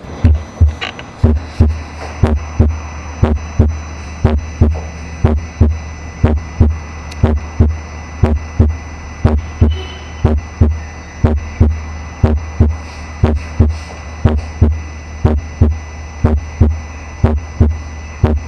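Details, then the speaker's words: Simulator, tricuspid area: regular heartbeat at about 60 a minute, coinciding with the carotid pulse; the first sound is slightly doubled, like "prapa", with its two parts barely distinguishable; split first heart sound. "Ahí pasamos a escuchar nuevamente el R1 desdoblado. Entonces recuerden que el R1 desdoblado se escucha alrededor del R1, obviamente. Va a coincidir con el pulso carotido, se escucha algo así como un prapa, prapa, prapa."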